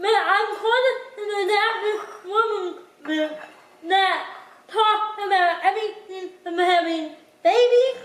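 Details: Dysarthria in a speaker with cerebral palsy.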